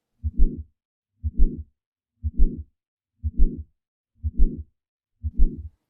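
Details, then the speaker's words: Simulated aortic stenosis heart murmur output by an auscultation training simulator, heard through a stethoscope while the pulse from a second linked unit is palpated. "should hear our beat per second sound from the left side and an as heart murmur from the other side"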